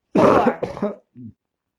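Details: Manually assisted (quad assist) cough in a man with ALS whose weak chest muscles cannot clear lung secretions. His wife counts, with her hand positioned on him, leaning her weight in: one strong cough burst, a weaker second effort, then a short grunt.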